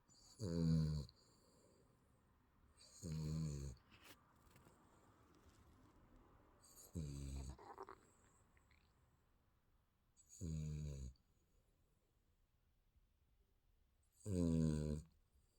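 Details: Sleeping baby snoring: five low, rattling snore sounds over about fifteen seconds, one with each breath, with quiet pauses between them.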